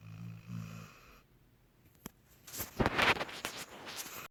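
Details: Snoring like a cartoon dog: a low droning snore fades out, then a sharp snort and a noisy rattling inward breath through the nose; snoring.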